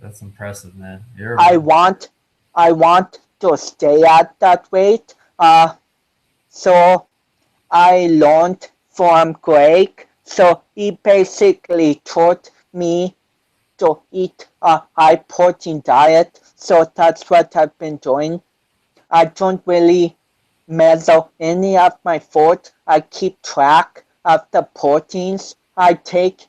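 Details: 25-year-old man with cerebral palsy since birth, which he says affects his balance, coordination and speech; doctors had told him he would never walk; real speech; dysarthria (cerebral palsy).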